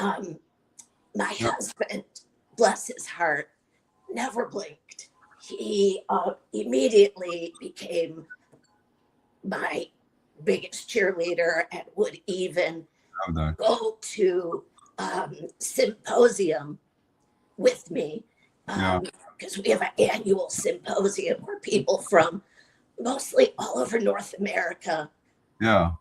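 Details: Adult woman with chronic spasmodic dysphonia that took away her singing voice and makes speech hard, treated with Botox injected directly into the vocal cords every three months, voice cycling worse and better around each injection; spasmodic dysphonia.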